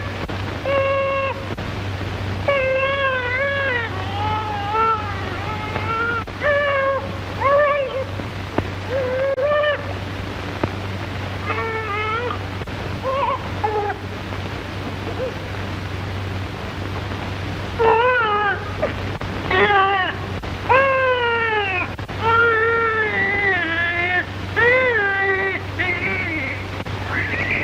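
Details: Newborn delivered by forceps at low cervical cesarean section (1936 hospital film) cries in repeated short, high, wavering bursts over a steady low hum: a vigorous newborn cry.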